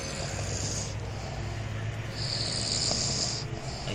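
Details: Sleeping dog snoring loudly, with rough snores over a steady engine-like rumble and hiss; snoring.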